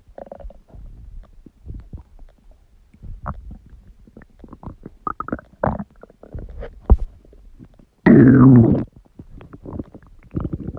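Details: Stomach growling: gurgling, squeaking and rumbling abdominal noises with a loud growl near the end; ordinary borborygmi.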